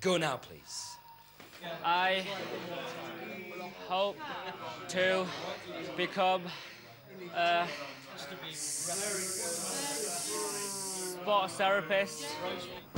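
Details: Male trainee physiotherapist who stammers, on a stammering course, speaking with its controlled speaking technique, which allows no more than four words per breath; stuttering.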